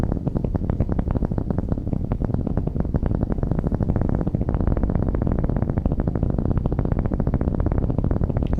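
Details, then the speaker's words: Needle EMG in a volunteer during mild muscle contraction: dense, rapid crackling pops; amplitude and frequency of the complexes fall within normal limits for this volunteer, i.e. normal motor unit potentials. "как вы видите наше значение вот этих вот амплитуды и частоты комплексов попали в норматив для данного добровольца"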